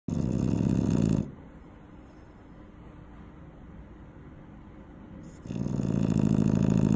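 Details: Eight-month-old dog sleeping near a safety barrier: loud, low, fluttering snore on the in-breath with quiet pauses between breaths; ordinary snoring.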